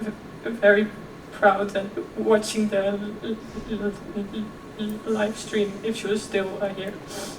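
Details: Real stuttering in a 26-year-old woman who also has OCD; she stuttered effortlessly as a child, and her stuttering is now more struggled.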